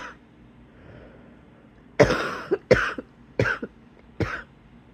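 Four harsh coughs in quick succession with a tight, whistling edge, fitting a wheezy cough.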